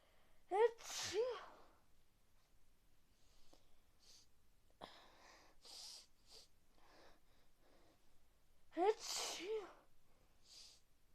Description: Yesterday is was a rainy day and I don't take my umbrella and I cath a very bad coId and Icant stop sneezes and blow my nose